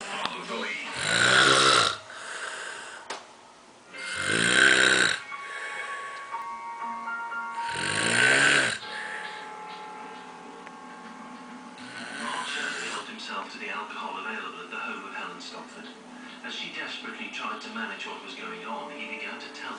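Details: Three loud, rattling snores at regular breaths from a sleeping man, then quieter breathing, with music and voices in the background, recorded January 2014; snoring.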